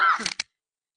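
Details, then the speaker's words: Adult speaker coughing during a talk; the speaker says the cough is from mucus. "and you see me coughing I don't know if you hear that that's that's mucus okay"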